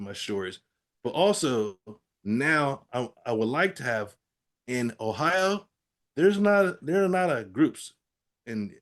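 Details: Adult man with aphasia after a stroke, in recovery with therapy-app practice; aphasia.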